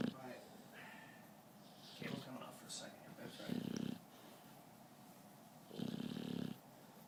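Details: Adult snoring: three rough, low snoring breaths about two seconds apart with quiet room noise between; ordinary snoring.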